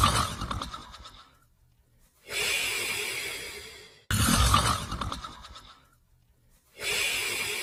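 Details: Sleeping Border Collie and Australian Shepherd: slow, noisy breathing with a rough rattle on inhalation and long exhale between pauses; mild snoring.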